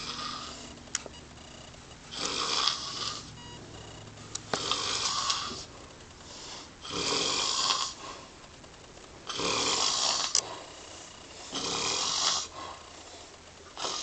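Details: Rhythmic, harsh, noisy snoring, about 25 snores a minute, each lasting around a second, with quiet gaps between.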